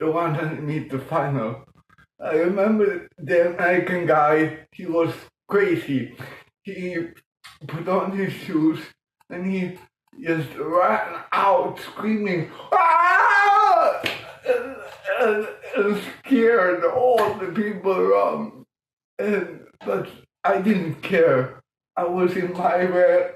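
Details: Adult man born 1958 with mild cerebral palsy from lack of oxygen at birth; speech later improved through music-aided breathing changes; dysarthria.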